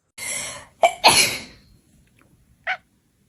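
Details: Person sneezing in front of a cat: a sharp indrawn breath, then an explosive sneeze, followed by a short, faint sound from the person; sneezing.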